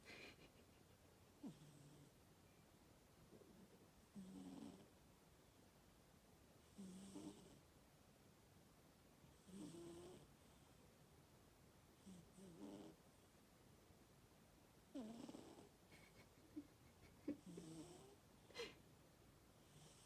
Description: Boo is sleeping on my thermal blanket and she’s snoring loud again! 🤣🤣🤣